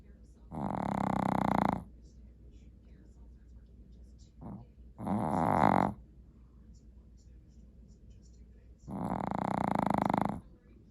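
Loud, rasping snores, three long breath sounds with quiet gaps between them, over steady low room hum.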